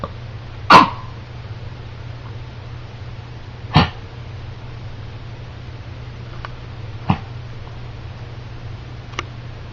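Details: Ringo's cough, new on waking this morning: a few short, harsh cough bursts with quiet gaps between, indoors over a steady low hum.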